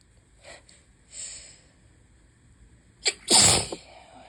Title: High pollen + open window = lots and lots of sneezes (bad allergy day 1/5)